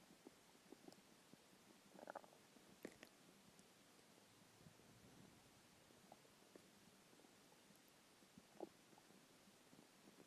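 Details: Hungry stomach growling after a skipped lunch: quiet gurgles and brief rumbling squeaks from the belly against a soft hiss, normal borborygmi.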